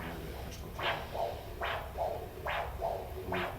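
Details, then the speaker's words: Doppler of a healthy female subject's artery, pulsing at about 72 a minute. Each beat is a sharp rise followed by softer after-sounds: a normal triphasic signal from an elastic vessel, contrasted with a diabetic vessel's whooshing. "so this is a healthy elastic vessel triphasic it's the sound that you're hearing"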